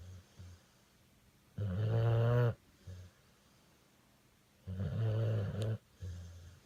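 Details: Deep, rumbling snores with softer sounds between, about 19 breaths a minute, from a sleeping pit bull–bully dog; ordinary dog snoring.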